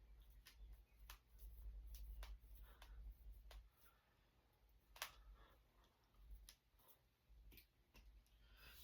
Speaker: Now my Now my knuckles and fingers. Kleenex in my pocket. Oh. There we go. That felt good.